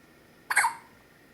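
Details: Infant hiccups, the baby's second bout in two days and said to happen a lot: a single short, sharp hiccup in a quiet room.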